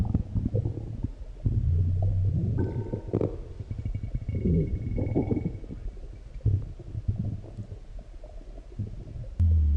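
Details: Deep, low rumbling stomach growls and gurgles coming and going over several seconds after a large meal; bowel sounds (borborygmi).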